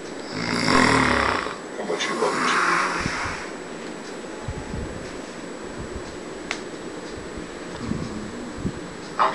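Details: Adult male (father) snoring in sleep, loud rattling snores, some with a snort, then quieter breathing with room noise; he snores louder at other times.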